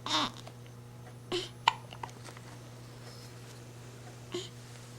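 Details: Baby having hiccups at night: several small, abrupt hiccups, irregularly spaced over a few seconds, with faint steady room hum.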